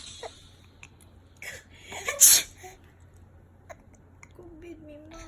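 A small sharp hissing burst after a brief build-up, in a quiet room with soft murmurs; a single infant sneeze.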